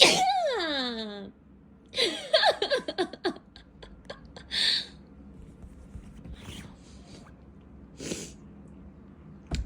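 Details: Person sneezing several times, sharp explosive sneezes in a quiet room, with a brief sound from a pet cat at the start.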